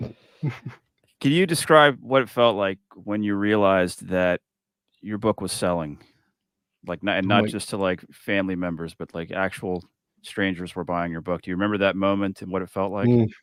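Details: Adult male speaker; Normal fluent speech.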